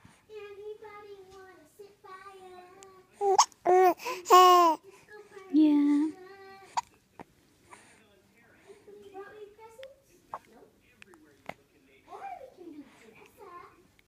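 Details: Baby girl almost three months old: soft fussing and babbling with a few brief louder cry bursts in a quiet room; mild infant crying.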